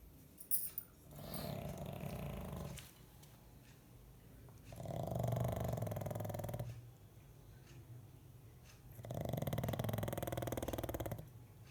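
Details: Three long, low, rattling snores in a quiet room, about 15 breaths a minute: steady snoring from a sleeping dog.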